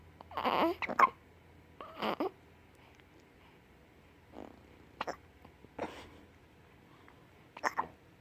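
Several short, abrupt voiced gulps at irregular intervals, about six in eight seconds, over quiet room noise; hiccups.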